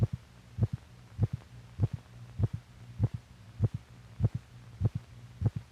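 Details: Normal heartbeats recorded in a film made for doctors, correlating the heart's physical motion with its sounds.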